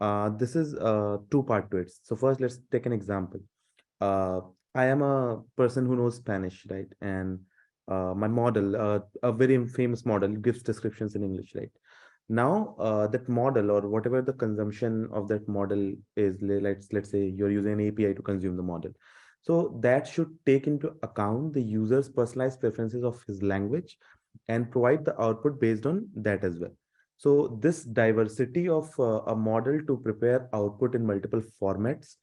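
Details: Adult man speaking; ordinary speech.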